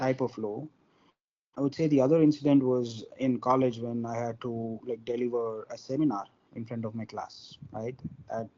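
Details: Adult man from India who stammers, with involuntary stuttering acquired at about age four or five; stuttering.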